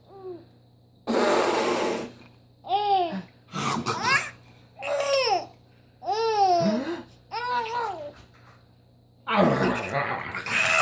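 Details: Infant boy with a pacifier before bedtime play: rough, noisy coughs between bursts of babbling and playful cooing; infant cough.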